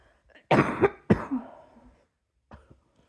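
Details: Two short, harsh coughs close together at bedtime while falling asleep, then faint breathing; a brief dry-sounding cough.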